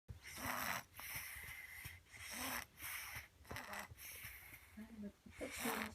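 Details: Loud, harsh snoring with a whistling edge and snorts, about one breath every 0.7 seconds, rapid for a sleeper.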